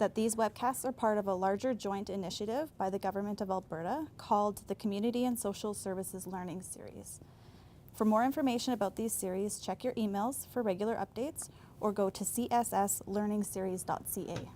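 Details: Adult woman speaking; normal speech.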